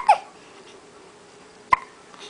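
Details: Two short, sharp hiccups about one and a half seconds apart in a quiet room, during an attempted "cotton head" hiccup remedy; hiccups.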